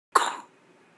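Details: A baby, playfully called a duck and said to be hiccuping, makes a single brief, abrupt burst of sound that fades quickly in a quiet room; one small cough.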